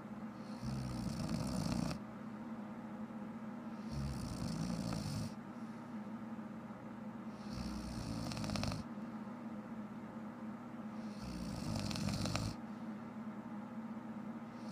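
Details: Four harsh, rattling snores on the in-breath, roughly every three and a half seconds, about 17 breaths a minute; loud snoring from a sleeping adult woman.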